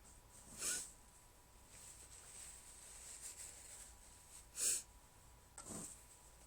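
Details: Three short, muffled hissing bursts through the nose are deliberately stifled sneezes that were hard to hold back, recorded over quiet room noise.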